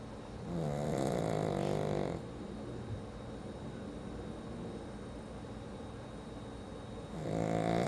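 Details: Sleeping pug snoring: a loud, rattling, pitched snore on each in-breath, with quieter breathing between snores.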